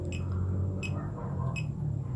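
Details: Fingertip pulse oximeter beeping with each pulse while heart rate is compared against a smartwatch: short high beeps about every 0.7 seconds over low room hum; readings around 79–86 bpm.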